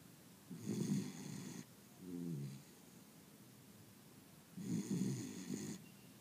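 Two long, rough snoring breaths with a brief softer sound between, in a quiet room; ordinary dog snoring.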